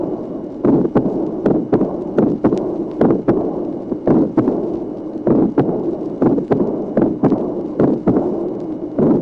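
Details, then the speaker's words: 1966 teaching recording (track 27): crisp early systolic pulmonary ejection clicks, a mid-systolic pulmonary ejection murmur, a split second sound and a soft diastolic pulmonary regurgitation murmur. "Tracé numéro 27, claquement protosystolique, souffle mésosystolique d'éjection pulmonaire, dédoublement du deuxième bruit, souffle diastolique d'insuffisance pulmonaire."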